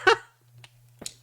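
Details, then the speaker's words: A single sneeze, a sudden sharp voiced burst then a breathy sniff and exhale over a steady low hum, from a streamer sneezing repeatedly in winter. "Honestly, this is why I hate winter. All the sneezes. Ugh."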